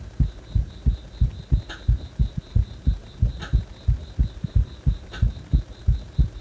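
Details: A heart that stays fast even after release from compression: a steady, regular, low thumping heartbeat at about 90 beats a minute; tachycardia.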